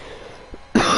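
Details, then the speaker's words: After a moment of quiet room noise, a single abrupt cough from an adult race commentator who says he has a cough coming on and is losing his voice. "sorry about that disturbance there as you can hear i've got a little bit of a cough coming along all this commentating is making me lose my voice"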